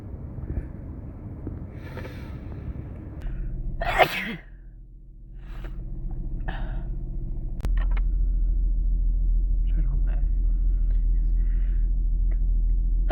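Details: Sneeze while sick with a cold, possibly induced: a sharp inward breath, then one loud explosive sneeze, followed by sniffing and small breathy sounds against steady room hum.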